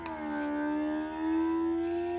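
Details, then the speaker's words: Electric baby nasal aspirator with 9 suction levels, turned to highest level drawing up water; steady, rising motor whine: suction at maximum power. "Let's bring it up to the highest level and see how fast it suctions up this water right here."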